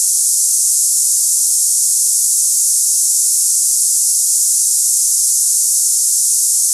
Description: Cicada hissing sound tinnitus sample for people experiencing ringing ears, buzzing sounds, hissing in ears, or cicada-like tinnitus noises.